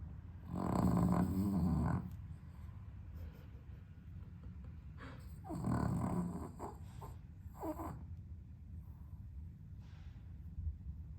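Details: Sleeping dog with sleep apnea, somewhat improved on heart medication, on a very hot 32°C day without air conditioning: loud rasping snores in bursts separated by quieter gaps with little breathing; snoring with apnea pauses.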